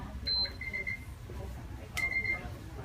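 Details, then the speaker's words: Two bursts of high-pitched beeping from an IV infusion pump alarming for air in the tubing during a normal saline infusion at 100 ml per hour, in a simulated nursing skills check-off. "so my I is alarming me that there's a air on my on my tub so make sure that there's no air before you before you start the infusion"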